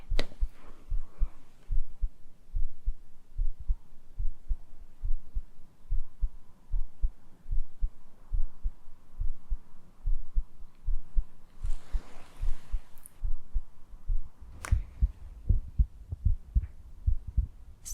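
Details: Regular low heart thumps through a stethoscope, about 74 a minute, in a simulated ASMR home cardiology exam, patient breathing normally through the mouth and reporting a funny feeling in the chest: normal heart sounds.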